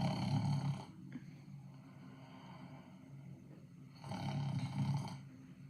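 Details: Cartoon snoring sound effect: two loud, low, rattling snores separated by a quiet pause.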